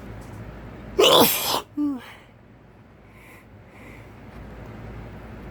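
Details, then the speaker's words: Sneeze triggered with a Q-tip: a loud, explosive sneeze followed by a short voiced sound, then quiet room noise; sneeze. "Gonna sneeze. Gonna sneeze. Phew."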